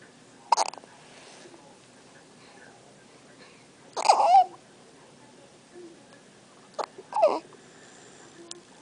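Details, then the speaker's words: One-day-old newborn girl in hospital having her first hiccups, held in her mother's arms: three brief, sharp, spaced voiced catches in a quiet room; hiccups. "She has the hiccups. Her first hiccups."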